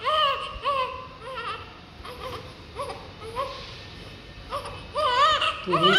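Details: Newborn baby girl crying just after birth: repeated short, rising-falling high-pitched wails with faint whimpers between.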